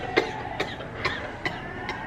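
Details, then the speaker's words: Simulated coughing as a prank on a friend: five short, evenly spaced dry coughs about every half second over room noise; fake cough. "are you still cough cough is that what kind of cough is that for real"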